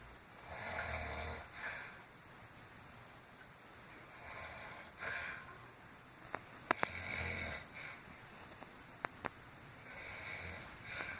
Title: Grandma snoring like CRAZY